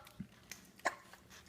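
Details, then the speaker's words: A young child has brief, sharp involuntary catches while eating: hiccups. "Hiccup? Do you have the hiccups?"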